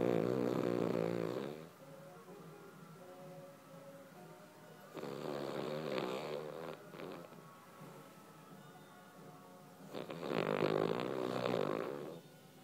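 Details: A dog, Charlie, snores loudly with rattling snores in slow cycles and quieter breathing between them, over faint background music: snoring.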